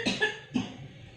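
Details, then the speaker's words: Patient with an enlarged heart, shortness of breath and cough lasting four years, recorded before treatment, giving two short, harsh cough bursts in a quiet room; a persistent chronic cough. "Ini pasien yang sebelum saya tangani, yang batuk seperti ini dialami selama 4 tahun lamanya."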